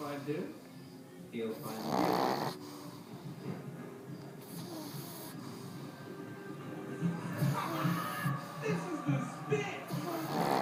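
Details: Sleeping dog, rough snoring breaths partly masked by background music and voices; snoring.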